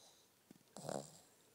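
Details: Sleepy pug with eyes rolling back in his head: a few soft clicks, then one short, throaty, snorting snore; snoring.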